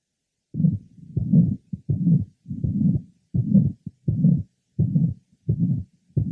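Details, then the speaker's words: 66-year-old patient with mitral valve prolapse, heard at the apex: a gap after the first heart sound, then a harsh late systolic murmur with some musical qualities, about 85 beats a minute. "note that there is a gap between the first hot sound and the onset of this murmur which is the lat part of Cy it is harsh but also has some musical"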